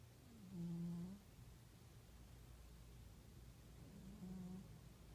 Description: This is my cat Rocky. He snores..